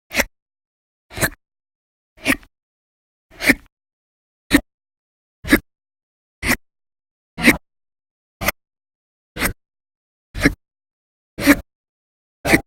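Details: Audio-only recording of persistent hiccups over December 2019, described as violent and very loud; sharp, abrupt hiccups about once a second, around 58 per minute, with silence between.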